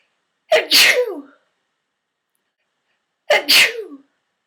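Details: Two sharp, forceful sneezes with a quick intake before each, separated by silence, recorded in a bathtub; sneezing triggered by eating mints.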